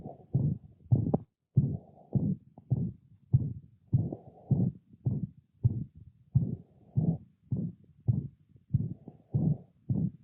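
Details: Systolic murmur of mitral regurgitation in a dog: heartbeat near 100 a minute with a harsh whooshing murmur blurring each beat.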